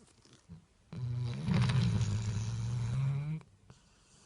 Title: Chocolate Labrador puppy snoring